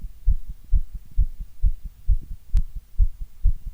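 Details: Normal heartbeat: steady, regular lub-dub at about 130 beats a minute, deep and thumping with no extra sounds.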